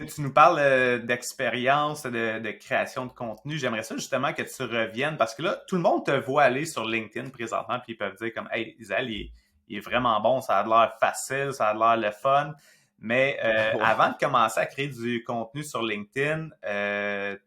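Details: Adult man speaking; normal fluent speech.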